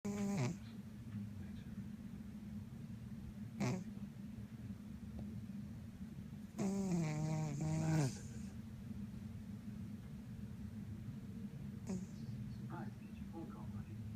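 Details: Cat snoring while asleep: a few soft, irregular snorting breaths over low room hum, with a couple of louder rattling snores.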